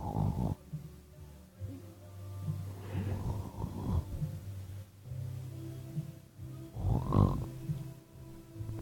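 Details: Low, rumbling, fluttering snores on repeated breaths over a steady background tone; snoring.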